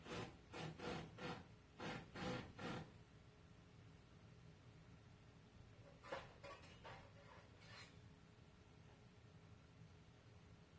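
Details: Kitten sneezing: two quick runs of short, sharp sneezes, about six then five, over quiet room noise.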